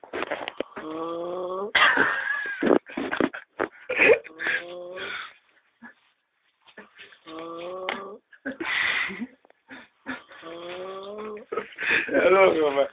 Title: Funny snoring